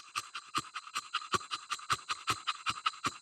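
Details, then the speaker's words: One-year-old English Bulldog stud during BOAS breathing testing, about minute 18, after intense exercise at 85 °F: fast, even panting, clean with no catch or rasp; normal breathing in a hot dog after hard exercise. "He's hot, but he's still breathing. So what you look for is really that catch. If you listen to him, it's clean. There's not a catch."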